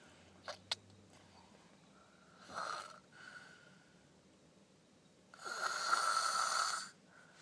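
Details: Child snoring: harsh, whistling snores on the in-breath, a short one then a longer louder one, in a quiet room; snoring.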